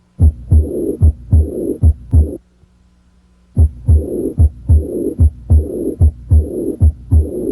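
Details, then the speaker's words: Teaching demonstration, patient holding breath, diaphragm at the left second interspace down the left sternal border: simulated aortic regurgitation, with regular heart sounds at about 74 a minute each followed by a long, high-pitched blowing diastolic murmur. "listen for the high-pitched diastolic murmur of aortic regurgitation if the patient had this murmur it would sound like this"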